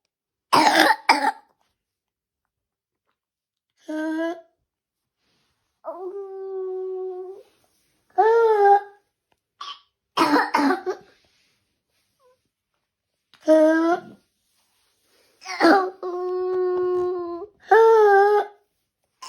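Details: A real young child with croup gives repeated harsh, barking, seal-like coughs between quiet pauses: croup barking cough.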